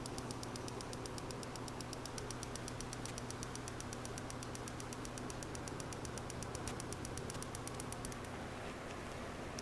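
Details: A horse's hock and high suspensory treated with a PiezoWave 2T shockwave device after tranquilizer (0.2 dormosedan, 0.2 torbugesic): rapid, steady sharp clicks, about four a second, over room hum, as a 1,500-pulse treatment is delivered.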